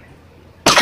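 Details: A single short, sharp cough in a quiet room from an adult who has a cold and flu.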